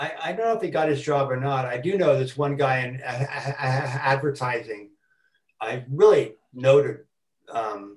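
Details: Adult man who has stuttered since about age four, with repetitions, fillers and blocks: stuttering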